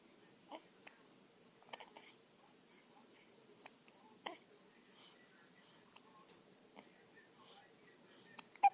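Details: Hiccups in a 1-day-old infant at 6pm: soft, brief catches recurring every one to three seconds over quiet room noise.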